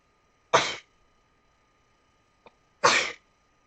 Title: Video #12 | 10 Sneezes